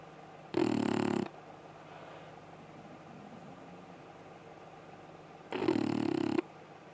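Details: Dog snoring while asleep: two loud, rattling snores about five seconds apart with quiet breathing between them.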